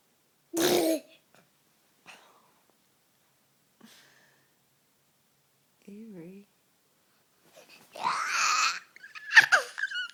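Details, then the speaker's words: Young child sneezing, parent hopes he is not getting sick with the change of season: small explosive sneeze bursts separated by quiet gaps, with brief child vocal sounds between. "What a cer sneeze bl you Buddy I hope we're not Getting sick It's the change of season change of season"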